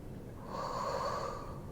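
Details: Near the end of a fascia healing session with a chiropractic adjustment, the woman being treated, who says her lower back feels different, gives a long, rough, hissing nasal breath of about a second in a quiet room: snorting.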